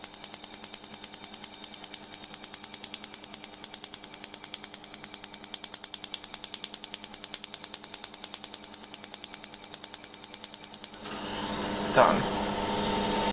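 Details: Rapid, steady snapping pulses at about 200 a minute for eleven seconds, then a hiss of air: a tattoo-removal laser firing while removing straight-edge tattoos.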